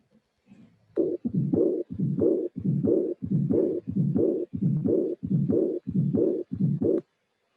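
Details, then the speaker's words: Aortic regurgitation in a teaching recording: regular heartbeat near 90 a minute. A blowing diastolic regurgitant murmur is heard with a very soft, short, early-peaking systolic flow murmur from increased volume, not stenosis. "usually the accompany murmur here it is is a marble that is very soft uh short with the maximum of ejection relatively early because there is no gradient"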